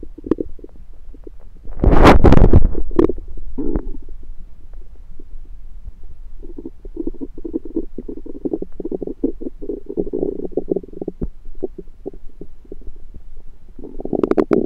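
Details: Bowel sounds (borborygmi) recorded over own abdomen with a USB stethoscope: continuous low gurgling and rumbling with a louder surge early on; active, normal bowel sounds.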